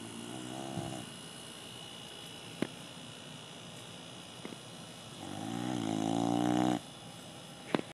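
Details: Boxer dog asleep on a deck: loud, rattling snoring with a long drawn-out snore and a few short snorts in a quiet room; snoring.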